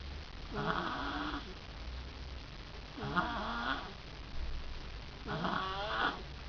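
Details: Snoring in a sleeping girl: three rattling, vibrating snores on the in-breath, roughly every two and a half seconds, with quiet gaps between.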